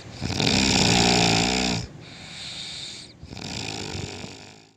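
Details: Extremely loud snoring in deep sleep: a very loud, rattling snore on the in-breath, then a quieter, noisy out-breath.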